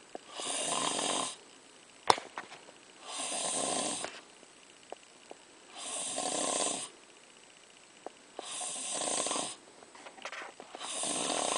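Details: Snoring: rhythmic, noisy inspiratory snores at roughly 11 breaths a minute with quiet pauses between.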